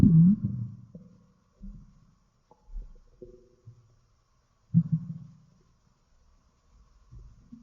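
Intermittent deep gurgles and low rumbles separated by quiet gaps; ordinary stomach growling.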